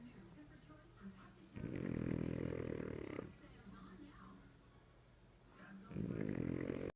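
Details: Snoring French Bulldog: two loud, rattling inhaled snores separated by quieter breathing, faint background sound.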